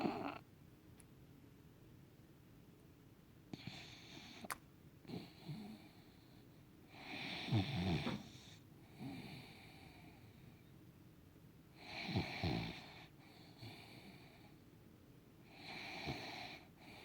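Snorting, rattling snores with a whistly edge, about 14 breaths a minute, from a sleeping small dog; snoring from a narrow upper airway.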